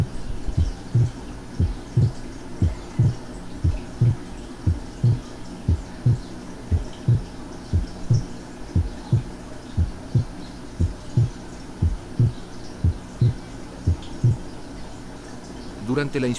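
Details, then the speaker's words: Physiological inspiratory splitting of the second heart sound, as heard with slow breathing: two components (aortic and pulmonary) of the second sound. "escuchemos el desdoblamiento inspiratorio del segundo ruido tal como ocurriría con la respiración lenta perciban los dos componentes del segundo ruido"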